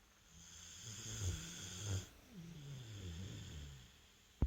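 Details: Sleeping American bulldog snoring: low, rattling snores with snorting catches on the in-breath and a wavering, droning out-breath.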